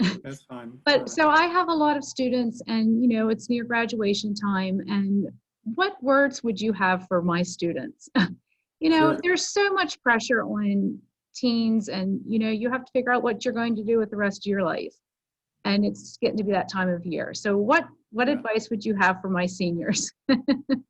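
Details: Adult woman speaking; normal speech.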